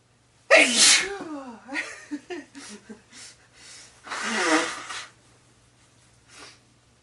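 Two forceful sneezes, each an explosive hissing burst, separated by a voiced drawn-in 'ah' and short catches of breath.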